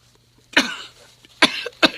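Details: Man recovering from bronchitis puts on an acted coughing fit during a phone call: three harsh, forceful cough bursts in a quiet room.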